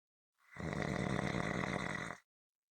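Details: A single loud, rough, rattling snore lasting about two seconds on an in-breath, from a clip of consistent rhythmic snoring; snoring.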